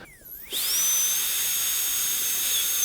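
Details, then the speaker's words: High-speed dental drill whining up and cutting steadily, dry without water spray, on a practice model while preparing tooth #18 for a gold onlay: cutting the isthmus and mesial and distal box forms; dental drill. "so we'll start uh with uh preparing an isthmus and a mesial and distal box form just to simulate that there was an existing restoration there that we removed"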